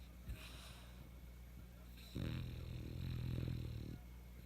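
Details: French bulldog asleep: low, rough snorting rumble during sleep breathing, loudest in one long noisy breath; snoring in a flat-faced dog.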